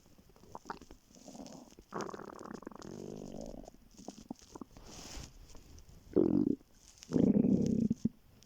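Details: Morning on waking, very hungry before skipping breakfast: gurgling, rumbling bowel sounds in irregular bursts of varying loudness; hunger stomach growling (borborygmi).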